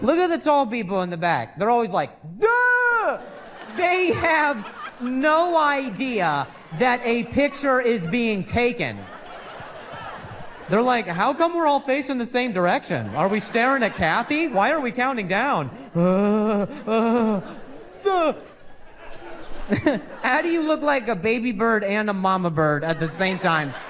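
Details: Adult male comedian who stutters, performing stand-up, with audible word repetitions; he reports stuttering more when he hears noises in his ear while talking; stuttering.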